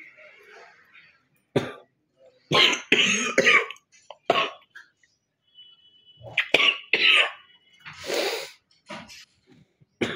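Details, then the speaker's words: Real cough from an Indian woman filmed for a cough-and-spit challenge: several harsh, wet, productive coughs with throat clearing, bringing up phlegm she says has built up for many days, spitting it aside, coughing until nearly vomiting. "কাছতে কাছতে একটু বমি টাইপের হয়ে গেছে, যদিও মশা উঠেছে, দেখো হাতে, দেখতে পাচ্ছ?"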